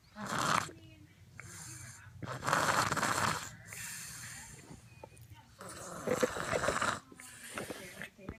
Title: 27lb baby snores like a 300lb man 🥸🤭🤣 #baby #funny #snoring